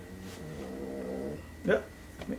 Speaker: that's my dog snoring. You can hear it.